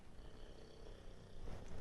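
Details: Snoring from a sleeping English Bulldog: a quiet, low fluttering rumble that builds toward the end, heard in the background of a room.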